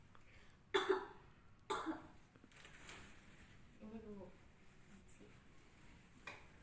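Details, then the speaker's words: Nursing student's chest physiotherapy practical on an adult woman: three deep breaths, hold a few seconds, exhale, then two deliberate effective coughs followed by faint voice sounds; an acted demonstration. "yang pertama atas nafas dalam keluarkan Hai bernapas tahan selama beberapa detik kemudian hembuskan digunakan untuk dibatukkan ya bos hehehe"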